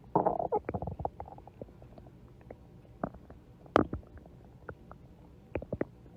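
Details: Ordinary stomach growling (borborygmi): bubbly gurgles and short squelching pops from the belly, starting with a loud burst, then scattered softer rumbles.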